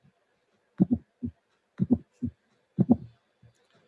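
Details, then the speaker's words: Another case of aortic stenosis, likely severe, in a bicuspid valve: a well-isolated high-frequency ejection click immediately after the first heart sound, recorded first alone, then with a rough ejection murmur whose peak comes late. "So it's very clear. There is a high frequency sound immediately after the first sound."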